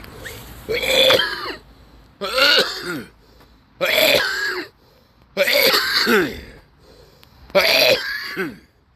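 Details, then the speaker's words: Five separate harsh, voiced, effortful coughs from an adult who says mucus can be heard and that he is struggling, and that his cough is different now; a productive cough. "he and unfortunately even though I was coughing there you could hear the mucus but you could hear me struggling and it's because my cough is different now"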